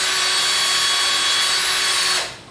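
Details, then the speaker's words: Surgical power drill at lower speed starting a ball-tip external fixation pin into simulated bone up to the far cortex: a steady high buzzing whir that stops near the end. "I'm going to slow the drill down to a lower speed and you can see that I can start this half"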